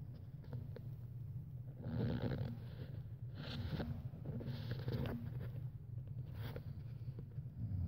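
Repeated low, rattling breath sounds about every one to one and a half seconds over a steady hum, consistent with snoring or heavy breathing.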